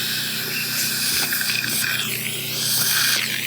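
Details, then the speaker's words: Steady high-pitched whine and hiss of a dental drill preparing a second implant site in the maxilla, parallel to the canine. The site previously had an abscess grafted and is drilled to about 13 mm. Dental implant drill. "So, once you get this one kind of situated here, it's really easy to go in and get this one situated where you want it. So, we'll again, we'll walk this down to almost to depth."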